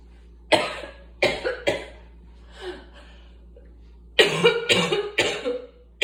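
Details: Asthmatic cough.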